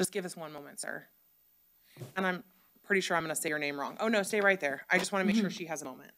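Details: Adult woman speaking; typical speech.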